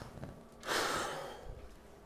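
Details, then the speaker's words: Pharmacist demonstrating a peak flow meter for asthma, standing or sitting up straight with lips sealed around the mouthpiece: one short, sharp, forceful breath out, reading around 400. "you blow out as forcefully as you can. That time I did around 400."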